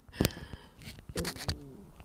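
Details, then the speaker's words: Stomach growling (borborygmi) from the person recording an ASMR video, heard as their stomach rumbles. "oh man did you hear my stomach rumbling I feel one coming on"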